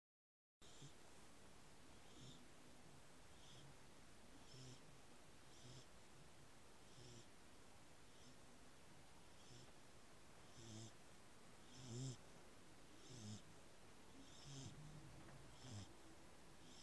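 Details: Beagle named Lily sleeping after an exciting day, snoring softly with quiet rhythmic snorts and wheezy breaths in a steady cycle, recorded just before waking.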